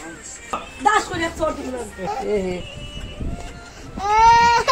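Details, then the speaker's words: Distressed crying from a little baby girl in rising wails over adult voices, crying from the pain of ear piercing. "বাচ্চাটি কিন্তু খুব কেঁদেছিল, খুবই দুঃখ লেগেছে মনে, কিন্তু কি করব, কাজ তার কাজই।"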